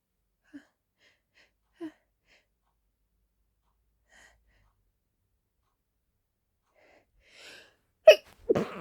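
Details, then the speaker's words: Powerful sneezing fit: quiet sniffs and catches, then two forceful sneezes in quick succession. The person thinks they are getting sick and says these are not allergy sneezes. "I think I'm getting sick. Those are definitely not allergy sneezes."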